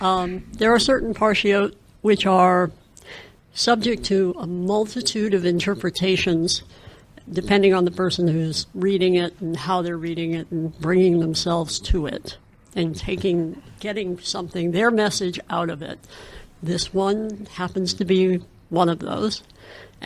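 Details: Adult speaker; Fluent speech.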